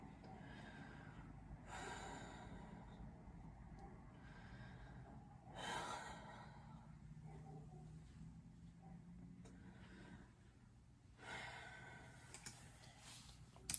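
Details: During a recorded medical physical assessment, a patient takes slow, deep mouth breaths, each a soft airy rush, steady and unlaboured over low room hum: normal deep breathing with no added sounds.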